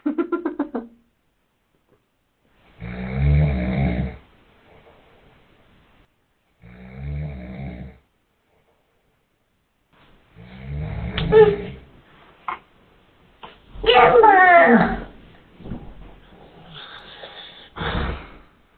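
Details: Adult man's loud, rattling snores recur every few seconds, later mixed with a young child's fussing sounds.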